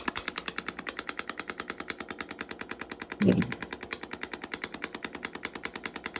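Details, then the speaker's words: A radial shockwave therapy device running during soft-tissue treatment for acute or chronic pain: rapid, rattling bursts of sharp clicks, roughly ten a second, with a brief voice partway through. "so you hear that sound that's our chock wavs going into the body this is used of ultrasound technology"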